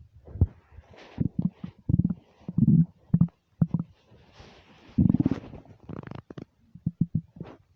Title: angry empty stomach rumbles